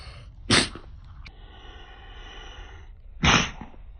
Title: Cat Makes A Big Sneeze